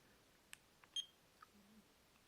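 Faint clicks, then a short high beep as a fingertip pulse oximeter starts picking up a reading; quiet room.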